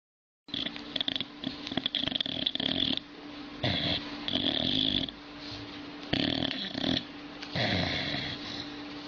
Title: Old dog is snoring very funny like a human